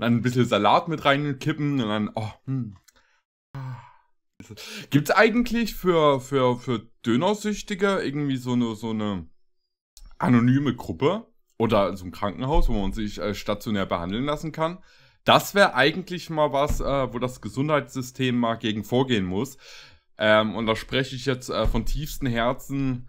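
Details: Adult male speaker; typical speech.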